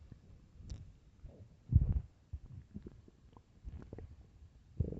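Low gurgling rumbles and groans come and go from the belly: stomach growling from hunger.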